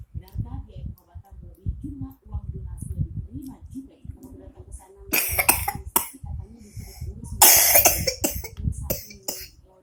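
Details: Child eating a meal alone: child's voice and eating noises, then two bouts of loud, harsh coughing while eating.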